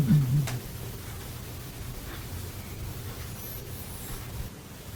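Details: A girl said not to have eaten in 3 days: a brief low gurgling rumble, then a quieter steady low rumble in a small room, empty-stomach growling (borborygmi).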